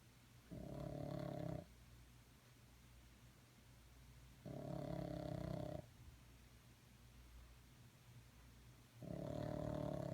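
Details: Snoring during an afternoon sleep: three loud, rough, buzzing snores on inhalation about every four to five seconds (roughly 13 breaths a minute), with quiet exhalations between.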